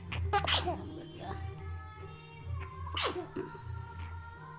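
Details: Baby sneezing: two short, sharp sneezes over music and nearby voices.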